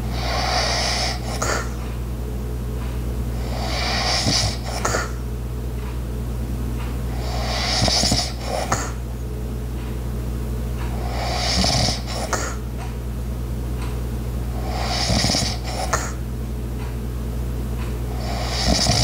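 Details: Light snoring with regular rasping breaths about every 3.5 seconds (about 17 a minute), over a steady household hum with ice maker and clock sounds in the background.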